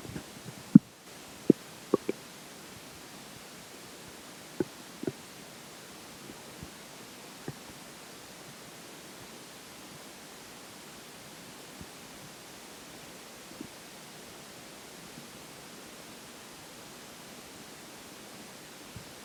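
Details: Digestive stomach growling after McDonald's for lunch and a slice of pizza for breakfast: scattered soft gurgles and clicks over quiet hiss, busiest early then sparse; ordinary bowel sounds.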